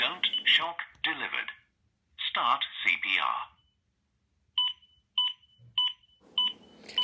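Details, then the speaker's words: Spoken prompts from a Zoll AED Pro defibrillator in a training video, then evenly spaced beeps at about 100 a minute: the CPR metronome pacing chest compressions at the correct rate. "beat indicates CPR at the correct speed CPR of poor depth will be indicated by the unit if the rescuer corrects their performance this is also indicated"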